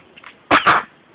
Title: First sneeze on video !